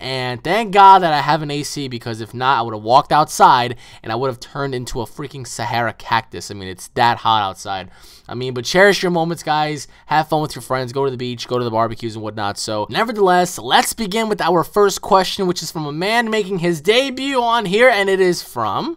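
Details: Adult speaker; Normal speech.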